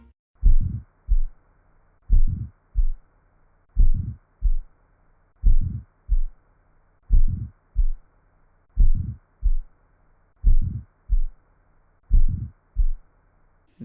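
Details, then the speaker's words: Simulated regular heartbeat with a crescendo-decrescendo ejection systolic murmur between first and second sounds, from narrowing of the aortic valve; aortic stenosis murmur. "this murmur is produced by the abnormal narrowing of the aortic valve"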